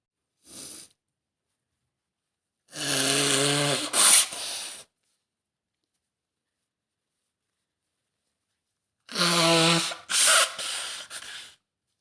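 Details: Adult woman with a serious autumn cold and stuffed nose: two bursts of voiced, throaty coughing separated by silence, with a brief sniff; her cold also brings loud sneezes and nose blowing.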